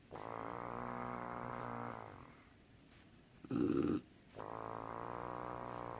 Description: My mother snoring but it sounds like a wet fart! lmao!!!!